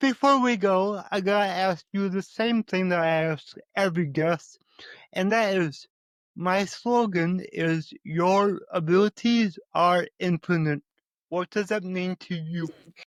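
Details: Stuttering in an adult male podcast host with cerebral palsy and a lifelong speech impediment, who still stutters though less than before.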